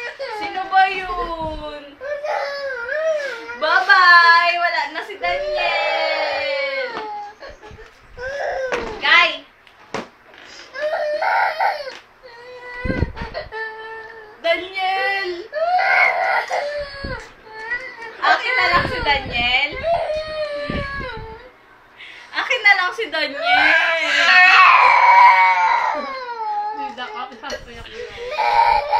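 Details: Infant crying in repeated wailing bursts with brief breath pauses in a small room, upset after a phone playing a Daniel Padilla video was taken away.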